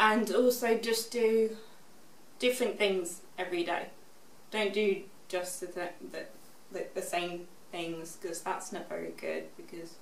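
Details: Expressive aphasia after a stroke at age 18, in a young woman now 24, recorded six years after the stroke; shows her improvement in speech.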